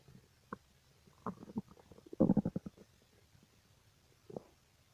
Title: Strange stomach noises